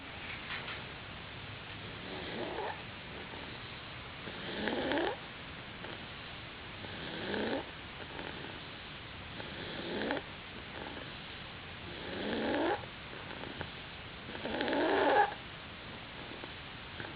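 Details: Sleeping cat: soft rhythmic snores with each breath in, about 24 breaths a minute, in a quiet room; ordinary snoring.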